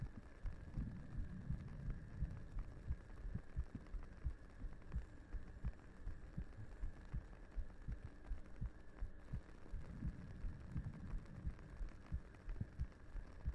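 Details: Soft, low, regular thumping at about 86 beats a minute under a steady hum, a heartbeat in a 3Dio binaural ASMR roleplay as the character lays her head on the listener's lap to sleep.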